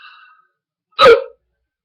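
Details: One loud, abrupt, voiced hiccup after a moment of quiet, from a man with unusually loud hiccups; forceful hiccup.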